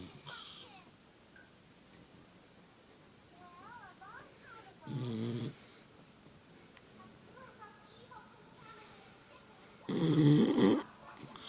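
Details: Sleeping pet dog snoring: two loud, rough snorting snores about five seconds apart in a quiet room with birdsong; owner says it snores more than they do.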